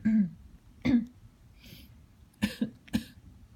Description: Every time I cough or clear my throat, Ruby chatters at me.